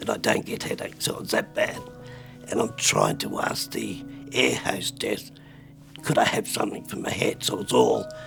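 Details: Adult man with spasmodic dysphonia, recorded at the peak of his botox treatment: spasmodic dysphonia.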